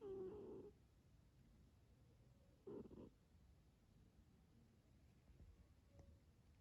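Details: Sleeping cat snoring like a man: two loud, rough, rattling snores about three seconds apart with quiet breathing between.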